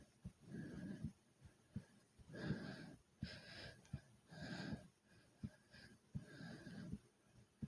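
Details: Heavy breathing and fast heartbeat after doing many jumping jacks: deep, fast, noisy breaths in and out at around 27 a minute, with low heart thumps.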